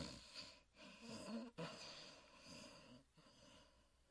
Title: Fafa the Explorer: Huckleberry Hound Sleeping & Snoring